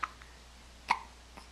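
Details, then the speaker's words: Two brief, sharp clicks about a second apart over steady room hum, recorded with a Flip Video camcorder in March 2010, while several "girls" are awake and all have hiccups; hiccups. "Everyone have the hiccups? Wide awake too, huh?"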